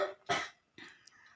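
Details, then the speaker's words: Young daughter with a cough: a few short, sharp coughs in quick succession, followed by quiet household noise. "ಸ್ವಲ್ಪ ನಮ್ಮ ಮಗಳಿಗೆ ಚಿಕ್ಕ ಮಗಳಿಗೆ ಕೆಮ್ಮು ಬಂದೈತಿ ಕೆಮ್ಮುತಾ ಇದ್ದಾಳೆ ಆಕೆ ಕೆಮ್ಮು ಅದನ್ನ ನಿಮಗೆ ಕೇಳಿಸಬಹುದು"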